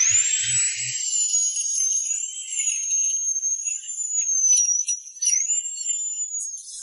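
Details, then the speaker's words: Dental implant site preparation: drilling into dense alveolar bone after the gum is opened, starting with a small pilot drill bit with saline cooling: a high-pitched whining drill whose pitch dips as it bears down. "These big and small bits are used to drill holes in the alveolar bone The surface of the alveolar bone is dense and relatively hard"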